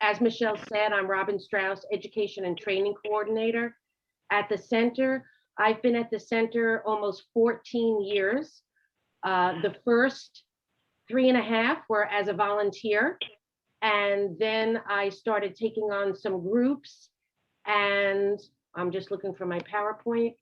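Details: Adult woman speaking; normal speech.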